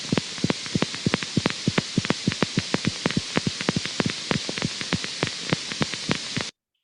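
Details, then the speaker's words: Needle EMG: rapid, sharp clicks over steady hiss from two overlapping fibrillation potentials, a crisp spike form and a duller positive sharp wave form. "if the needle ear has damaged the muscle fiber or there's a disease damaging the muscle fiber then the needle will pick up more of the positive and a little bit of the negative field and then the action potential can't continue to propagate"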